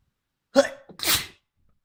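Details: Trans woman inducing a very messy sneezing fit with a fluffy white feather: a single wet sneeze, short inward catch then a forceful explosive burst of air.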